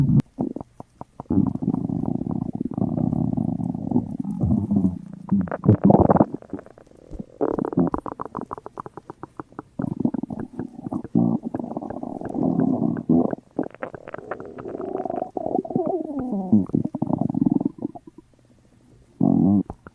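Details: Long gurgling, rumbling stomach noises with crackling bursts and brief pauses, like an empty stomach churning; stomach rumbling.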